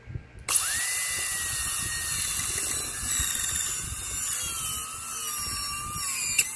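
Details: High-speed dental drill whine, pitch dropping slightly under load, starting with a round bur on a Class II MOD preparation of the mandibular left first molar (tooth 19) on a practice model without gingiva.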